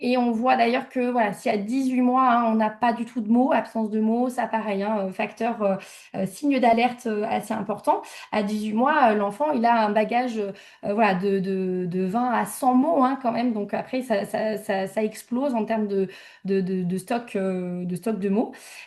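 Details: Adult woman speaking French; typical adult speech.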